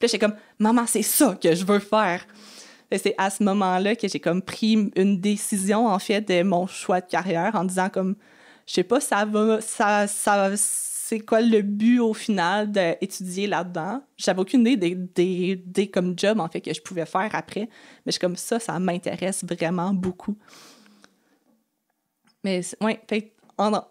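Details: Adult French-speaking woman who has stuttered since age 6 and had about four or five speech therapy courses in primary school, secondary school and university; stuttering.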